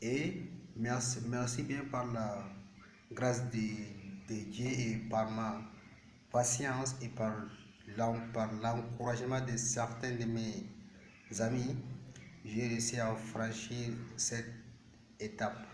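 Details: Stuttering in a male speaker, present since age 7, speaking French.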